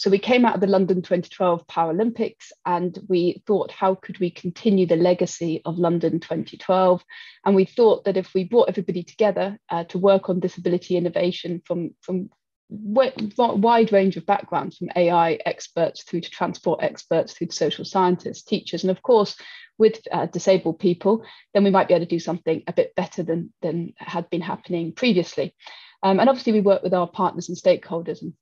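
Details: Adult woman speaking; normal speech.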